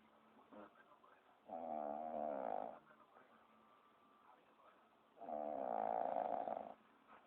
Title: lmfao,,talk about snoring!!